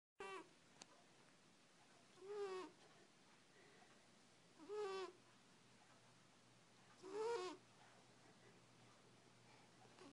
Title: Cat Snoring On Couch